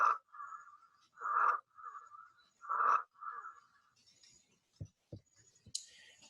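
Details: Auscultation teaching example of stridor: loud, high-pitched, musical sounds strongest on inspiration, repeating about every 1.5 seconds, from laryngeal or tracheal obstruction, louder with stronger breathing.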